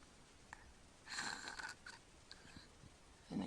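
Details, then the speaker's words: Sleeping child with obstructive sleep apnea, the tongue falling back during sleep: near silence while holding breath, then a sudden strained, whistling snort-gulp as breathing restarts after the obstructive pause. "he's still holding his breath and that's going to gulp again there he goes that was it again"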